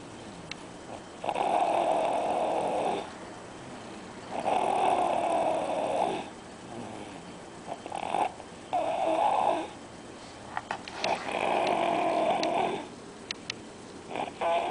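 Loud, rough, rattling snores on each breath in, about four in fifteen seconds, with quieter pauses between.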